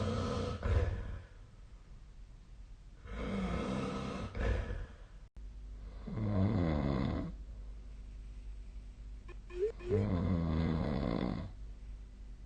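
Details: Snoring during sleep: loud, low, rattling snores on each breath, about five cycles in twelve seconds, with quiet gaps between.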